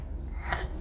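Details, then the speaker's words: Child with tracheomalacia: a single harsh cough burst, a tracheal cough that often comes with recurrent wheezing and is mistaken for asthma; tracheal cough. "vez de estos pacientes con esa tos traqueal se vienen acompañados de sibilancias recurrentes entonces piensan que es asma"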